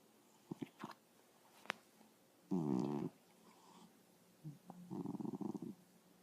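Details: Two low, rough, fluttering breaths about two seconds apart with soft snuffles and clicks between them; snoring while asleep.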